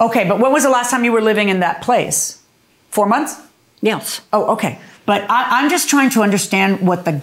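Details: Adult woman speaking in a conversation; normal voice.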